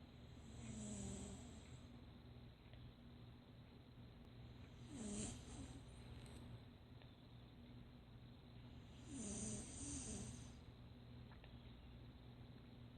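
Soft, rhythmic rattling breaths under steady room hum, about every four seconds; quiet snoring.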